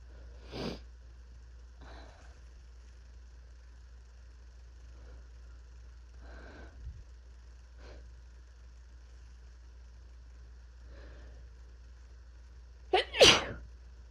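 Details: Several faint, muffled, partly stifled sneezes and sniffs ending in one loud full sneeze, from a person with their first cold of the year, with body aches, chills, fever and coughing; sneeze.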